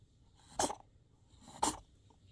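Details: Kitten with a cold (cough and eye trouble also noted) gives two small, soft sneezes about a second apart, with snuffly breathing between.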